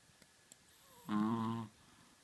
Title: Чихуахуа храпит:Chihuahua schnarcht;) Chihuahua snores.